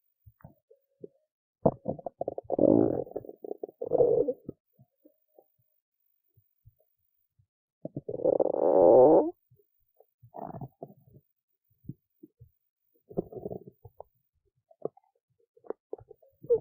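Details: Belly sounds after a skipped lunch, with hunger: bursts of gurgling, bubbling stomach rumbles with silent gaps. Typical hunger bowel sounds (borborygmi).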